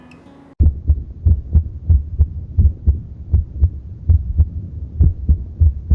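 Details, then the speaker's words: Atrial fibrillation: irregularly irregular heart sounds about 90 a minute with varying first-sound intensity; heart rate exceeds pulse rate. "as for atrial fibrillation there are three characteristics like followings irregularly irregular rhythm variable intensity of first-half sound heart rate is greater than pulse rate here is an audio about atrial fibrillation for your reference"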